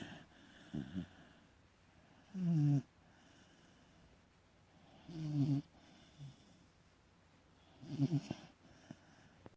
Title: Beagle snore